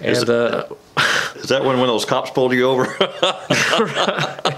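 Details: Adult male interviewer; typical speech.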